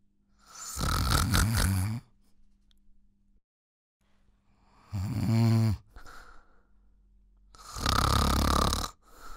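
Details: Loud, rattling snores about two seconds long separated by quiet pauses; repeated snoring during sleep.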